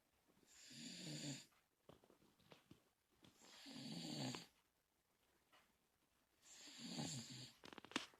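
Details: Three rattling snores on the in-breaths with quiet pauses between, about 20 breaths a minute; ordinary snoring.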